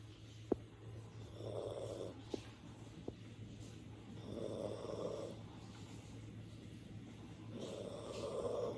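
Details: An elderly chocolate poodle snores with its eyes open: three rhythmic rattling inspiratory snores about three seconds apart, roughly 20 breaths a minute, over a steady low hum with faint clicks.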